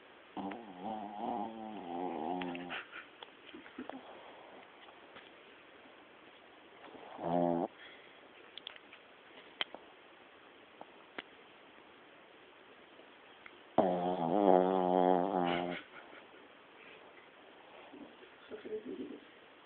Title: My dog snoring..